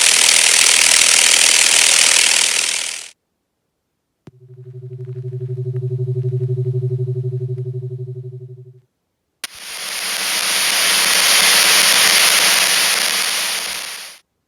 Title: Tinnitus/what does tinnitus sound like?10 commonly reported tinnitus sounds/which one is yours?